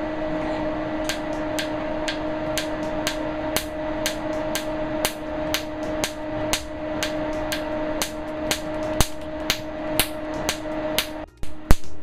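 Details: Q-Clear laser treatment of a plantar wart previously unresponsive to CO2 laser and surgery, area numbed: sharp snapping clicks about twice a second over steady machine hum; laser pulses.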